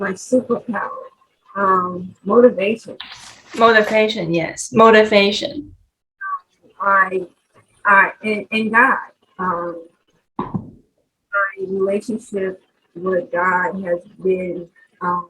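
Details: Aphasia in a 43-year-old woman after a stroke in 2020; she could not talk for 10 days in hospital and has worked with several speech therapists. Finding: aphasia.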